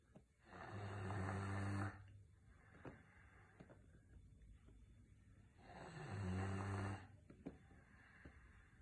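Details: Snoring from a sleeping Rottweiler: two long, deep rattling snores about five seconds apart, with quiet breathing between.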